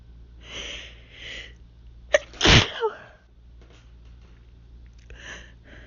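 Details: Hay fever (pollen allergy) sneezing: a sharp inward gasp, then one loud explosive sneeze with quieter sniffs around it.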